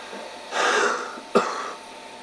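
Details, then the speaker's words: Trekker at high altitude in Nepal with high altitude pulmonary edema, breathing difficulty since the night before: coughing and crackling fluid sounds on exhalation, reportedly much better after taking medications. "so you can hear the fluid in there and uh that's actually quite a bit better now last night um before I had taken any medications it was I couldn't if I exhaled or inhaled just slightly not that heavily you could hear that fluid that crackling sound"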